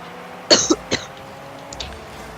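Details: Cough recorded during a Rocket League gaming session; player reportedly sick, coughing repeatedly. Two short, sharp coughs over faint background noise, then a quiet throat sound; an ordinary cough.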